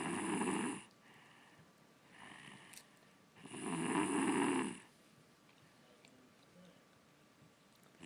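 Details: Snoring in a sleeping 6-year-old girl, loud in person: loud rough snoring on each breath in, with quieter breaths between.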